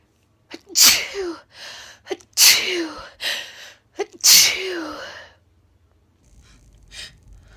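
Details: Female sneezing in a series after saying it tickles badly: three loud sneezes in a row, each with a quick indrawn breath before it and a voiced trailing end; ordinary sneezing.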